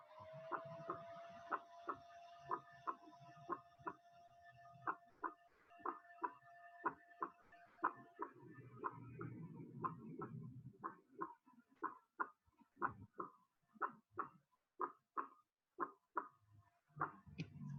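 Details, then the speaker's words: Normal first heart sound (S1) at about 60 beats a minute: a single, slightly low-pitched sound marking the start of systole, coinciding with the arterial pulse, best heard with the stethoscope diaphragm. "es un soplo de un tono ligeramente bajo que indica el inicio de las pistolas y este primer ruido coincide con el soplo es para poner el pulso arterial"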